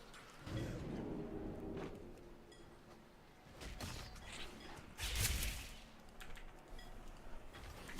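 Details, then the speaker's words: Adult with a self-described sick cough, not yet fully ill: two short, abrupt, somewhat muffled cough bursts against low room noise. "You can hear that cough, right? That's like for sure a sick cough, but like I'm not like sick yet."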